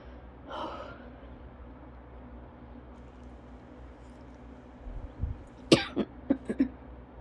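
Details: Cough-variant asthma attack: a short run of about four dry, harsh coughs in quick succession after a quiet stretch.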